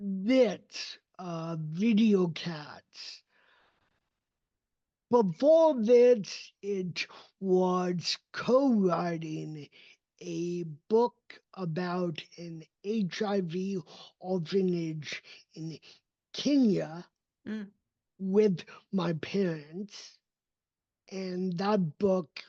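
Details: Adult male with cerebral palsy, a neurodevelopmental disability affecting his motor development and movement; real, not acted; dysarthria (cerebral palsy).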